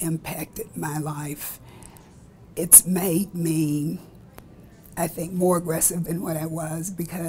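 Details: Spasmodic dysphonia in an adult woman, a rare neurological disorder in which the vocal cords spasm during speech; she says her voice varies unpredictably from day to day.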